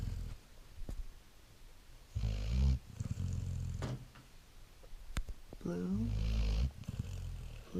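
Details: Great Dane pup snoring: deep, rumbling snores, two loud snoring breaths among rustling and handling noise.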